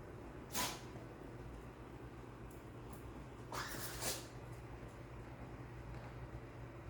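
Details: Dog with a summer cold sneezing: one sharp sneeze, then a quick double sneeze a few seconds later, over low room hum.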